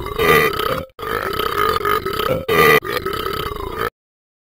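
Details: Simulated burping from the Ben app's cartoon character that won't stop: several long, loud, drawn-out burps in a row from a recorded sound effect, not a real person.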